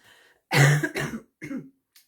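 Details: A couple of harsh coughs and a brief throat clear from an adult talking through a cross-stitch project; cough.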